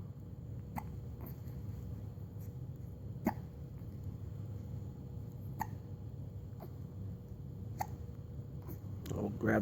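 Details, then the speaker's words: Baby boy with hiccups, excited in a toy car: soft, sharp hiccups recurring every second or two, about six in nine seconds, over a low room rumble. "you got your hiccups you got your hiccups in your workout okay"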